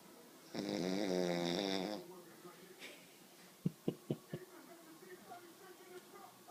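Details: Dog asleep on a couch snoring: one long, buzzing, higher-pitched snore followed by a few short snorting puffs.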